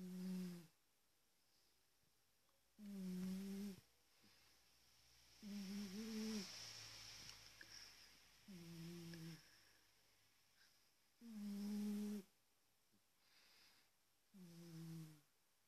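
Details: Rhythmic, humming, buzzy snores from a big sleeping cat, about five or six in the clip, roughly 21 breaths a minute, with quiet pauses between. Recorded with a smartphone.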